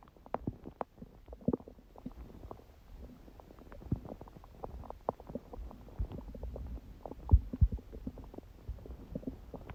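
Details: Stomach growling recorded at 1:30 am after waking, six hours after eating too much udon at 19:30, the first gluten in a while: quiet irregular gurgles and rumbles with occasional louder pops; ordinary borborygmi.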